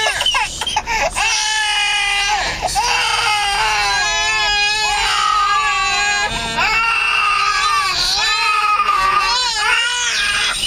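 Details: Eight-month-old twin infants, tired from playing and the drive back from Pattaya, crying a lot: loud, sustained wailing with overlapping voices; infant crying.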